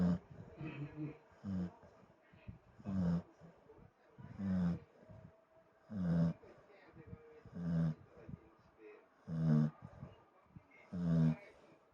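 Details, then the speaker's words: Pet dog sleeping soundly after lunch in an air-conditioned room, snoring loudly with repeated short snorting snores and softer breaths between, about eight in twelve seconds, snores growing louder. "※ムーちゃん爆睡中※いびきをかいて寝ています🤭"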